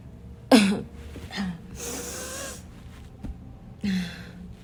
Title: loud (barking) coughing fit